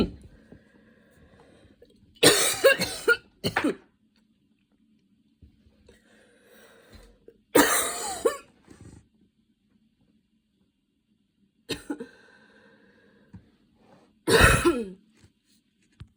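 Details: Repeated harsh cough bursts in clusters separated by quiet pauses, a short coughing fit while getting ready.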